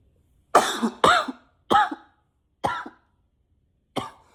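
Five dry, harsh coughs in quick succession with short pauses, a persistent repetitive cough.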